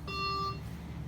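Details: A brief steady electronic tone over low machine hum as a Servo-i ICU ventilator with active humidity and heated bacterial filter powers on; ventilator start-up alarm tone.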